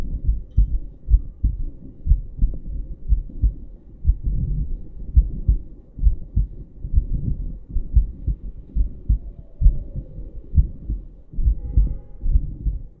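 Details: Live normal heartbeat of an American adult female heard through a stethoscope, filmed in London: regular low thumping heartbeats at roughly 75 a minute, with faint music behind.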